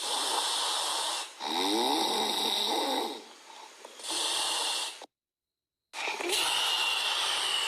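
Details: Chihuahua puppy snoring loudly while asleep: hissing, wheezy, high-pitched airy snores and snorts on each breath, with a brief silent gap; snoring.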